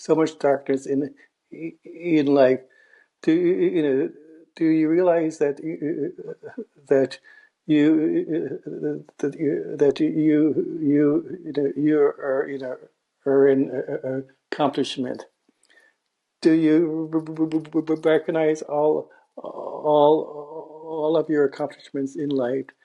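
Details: Adult man who stutters, a writer, in a real interview; repeated words and blocks are audible; stuttering.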